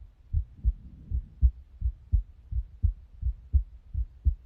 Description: this is far by the most clear “lub-dub” sound of my heart i have ever recorded.